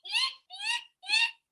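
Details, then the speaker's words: Simulated stridor: an adult vocally imitates an infant's stridor in the NICU, producing three high-pitched squeaky breath sounds typical of a narrowed upper airway. "So Stridor is that squeaking sound that you hear. So I'm going to imitate it because people say do a good job of it. It's that."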